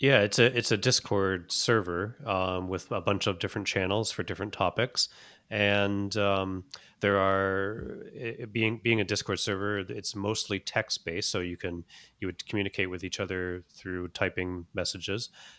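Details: Adult male speaker; typical speech.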